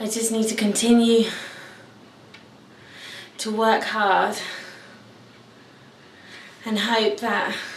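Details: 28-year-old man from London who stammers; stuttering.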